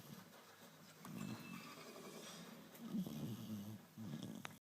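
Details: Sleeping Springer Spaniel snores, about three low, rumbling breaths over a few seconds against quiet room noise: snoring.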